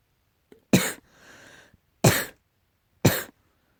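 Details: Three short, harsh coughing bursts from a cat, with a softer wheezy, rustling breath between the first two; repeated coughing, tagged allergy.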